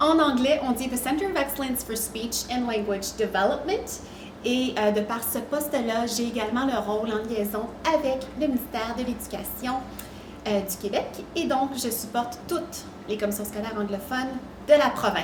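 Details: Adult woman speaking French; normal speech.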